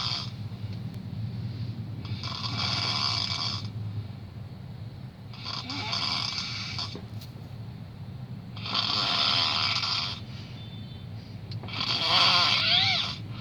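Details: Pet snoring in sleep: four slow, rasping snores, each about two seconds long, over steady background noise.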